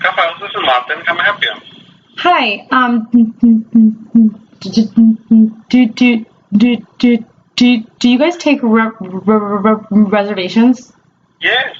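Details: Adult woman who stammers, recorded in a real telephone call, markedly disfluent with sound repetitions; stuttering (sound repetitions).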